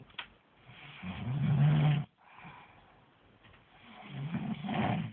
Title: Sleeping snoring monster part 2